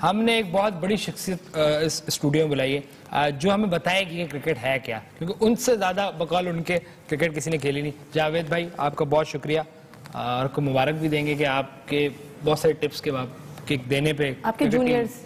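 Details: Adult male speaker; Normal speech.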